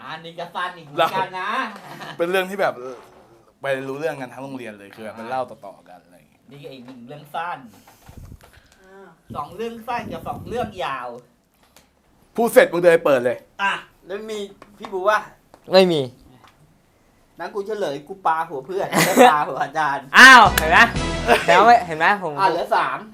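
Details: Thai speaker from a group of people who stutter, telling a story during a game; stuttering.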